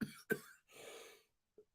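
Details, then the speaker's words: Adult man with a persistent cough he can't stop, saying it sounds worse than it is; coughing during a live stream. "Yes, I have a cough. You may notice. This sounds a lot worse than it is, right? It just can't stop coughing."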